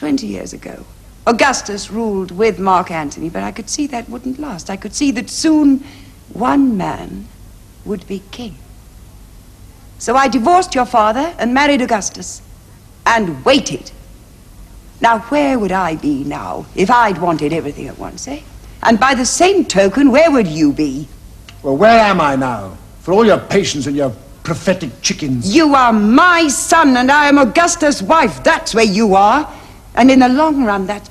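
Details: Adult woman, acted television drama dialogue; normal speech.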